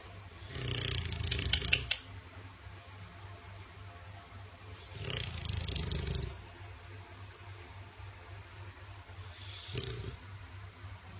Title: Buddy the English bull Dog. Snores louder than anyone I know